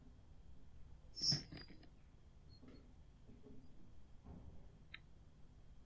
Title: English teacher has sneeze fit! (f)